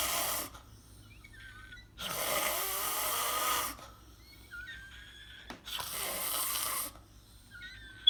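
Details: Person snoring in their sleep: loud, rough, rattling snores on each breath in, with quiet gaps between and faint bird chirps in the background.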